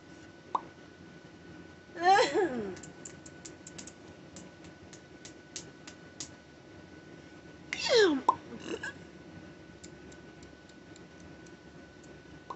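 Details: Vocal tics in a parent of five that began after a stressful day of phone calls, during treatment for a bad ear infection with antibiotics, steroids and Tylenol, after stopping Benadryl: two sudden squealing, sweeping vocal bursts with clicks and small noises between, in a quiet room.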